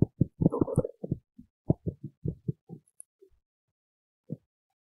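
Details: Stomach growling: a run of short, low gurgling pops and rumbles with pauses between, normal borborygmi.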